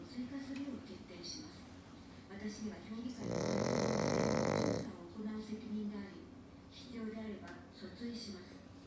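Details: Black pug dog napping and snoring: soft, regular snuffling breaths broken by one loud, harsh, drawn-out snore lasting nearly two seconds.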